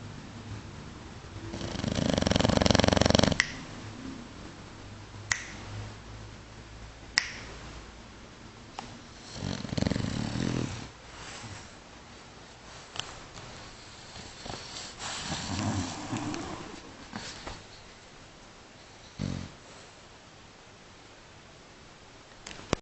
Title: funny bullgog snoring